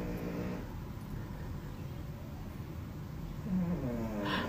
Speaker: I know y'all hear that snoring.